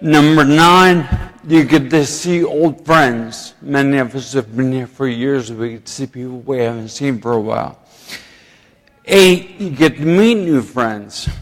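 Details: Adult man with ataxia, who himself attributes slurring and poor speech to his ataxia; finding: ataxic dysarthria.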